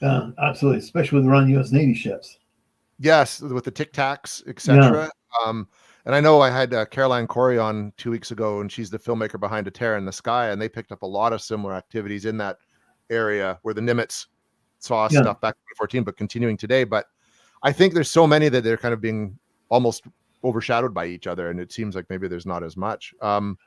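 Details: Adult male speaker; normal speech.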